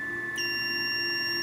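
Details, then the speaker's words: Venus Viva radiofrequency skin-rejuvenation handpiece on the face, in full contact with medium pressure and avoiding hair, before moving to the orbital rim. A steady electronic tone shifts to a higher, brighter beep, marking a completed pulse. "hope you'll notice the light on the candy felt light up and tells me when it's complete but the sound also tells me when the pulse is complete"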